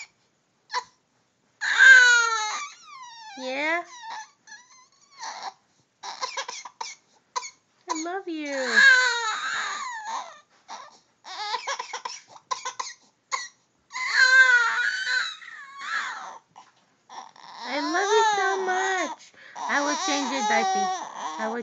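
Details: An infant boy cries in repeated wailing bursts with short pauses, mixed with brief fussy vocal sounds: infant cry.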